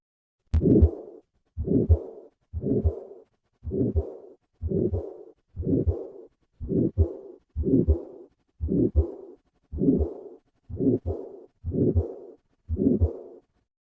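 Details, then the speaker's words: Combined aortic stenosis and regurgitation: regular heartbeat near 60 a minute, each beat carrying long harsh murmurs. "listen to a patient with combined aortic stenosis and regurgitation"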